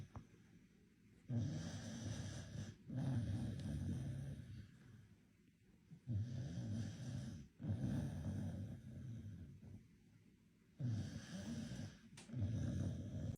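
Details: Sleeping dog snoring very hard: loud, deep, rattling snores, about five long noisy breaths with brief gaps between them.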